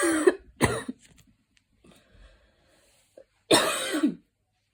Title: lil post run cough